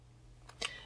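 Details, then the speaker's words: A Diskus dry powder inhaler is opened by pushing the thumb grip away until it clicks, exposing the mouthpiece: a single sharp plastic click. "now you use that indentation for your right thumb you push it away from you till it clicks"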